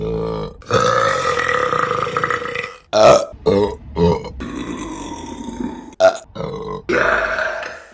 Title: Burping Compilation November #4 | RBC